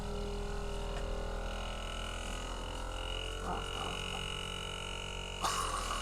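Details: Steady motor hum from a suction machine, broken by brief wet gurgling and sucking bursts as secretions are drawn from a tracheostomy during a patient's morning routine after a breathing treatment; tracheostomy suctioning.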